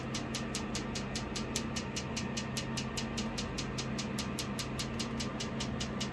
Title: Hands on training on laser treatment for melasma